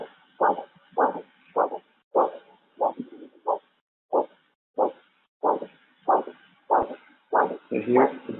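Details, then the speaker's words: Diver's acoustic Doppler recording for decompression bubble detection: clean vein with regular whooshing heartbeat pulses at about 95 a minute, breathing audible at times, no bubble clicks or chirps; normal venous flow without bubbles. "the top one which I'm going to play right now is basically just a clean clean vein there's no bubbles it's just a heartbeat and if you pay attention you will as well hear the sound of the breathing at some point so here it is"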